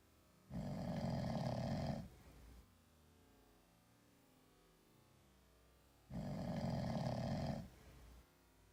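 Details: Sleeping cat snoring like a human: two long, rough, buzzing inhalations about five seconds apart, each followed by a softer exhale.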